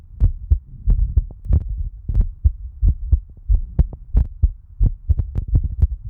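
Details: Normal heartbeat.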